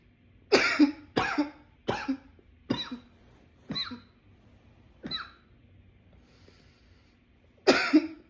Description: here is a runaway coughing attack i was having.